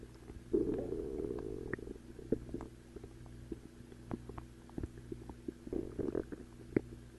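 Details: Two sustained low growling rumbles with scattered gurgles and clicks between them, over a steady low hum; ordinary stomach growling (borborygmi).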